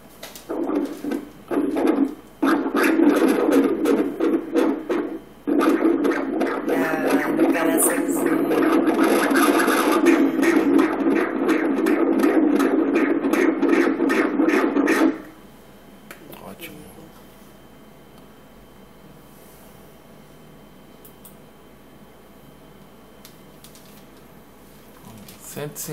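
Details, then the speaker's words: Fetal heartbeat heard by Doppler during a pregnancy ultrasound: rapid, regular whooshing pulses, measured at 156 beats a minute and described as good (normal). "Coração, ó. Olha lá o coraçãozinho batendo. Vamos ouvir aqui."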